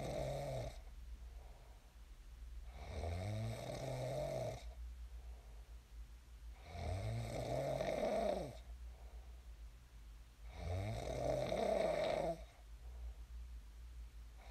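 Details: Real sleep snoring of a person who snored and then woke up: deep, rumbling snores on each in-breath, about 14 breaths a minute, softer airflow between, quiet room.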